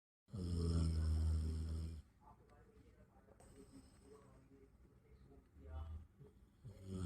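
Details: Sleeping Labrador dog next to the bed in the morning, snoring like a bear: one long, loud, deep rumbling snore, then quieter snuffling breaths and faint room noise; dog snoring.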